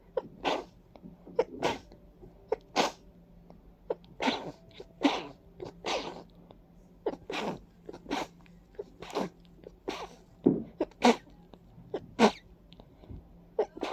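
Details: Series of about a dozen short, wet sneezes and sniffs, some with a rising inward breath before them, from a congested person with a runny nose and watering eyes; allergic sneezing attributed to ragweed and dust.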